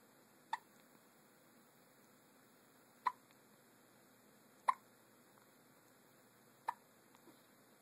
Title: Hiccups!!